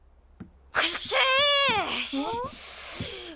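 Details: Cartoon character with a cold gives a single voiced, drawn-out acted sneeze; simulated sneeze, not real.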